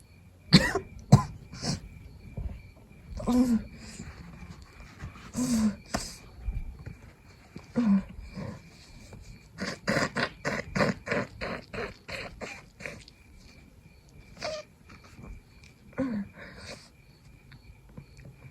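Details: Person with a cold trying to fall asleep in the middle of the night: repeated short, dry coughs and throat clearing in irregular bursts with sniffling, along with snotty sneezing and nose blowing.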